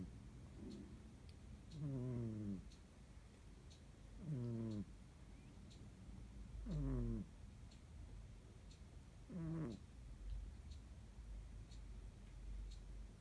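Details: A sleeping male kitten makes a soft, whistling snore with each breath, about 24 per minute: cat snoring.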